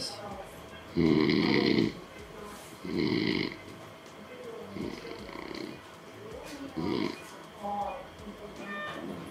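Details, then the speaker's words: Adult with severe obstructive sleep apnea (index 34) during drug-induced sleep endoscopy with a 2.9 mm KARL STORZ videorhinolaryngoscope: about five loud, rough, rattling snores from soft palate, uvula and posterior pillar vibration, with oropharyngeal obstruction. "самое храп за счёт мягкого небо язычка задних дужек на уровне корня языка и гортани конструкция нет"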